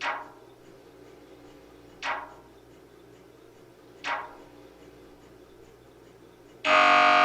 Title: MRI Sounds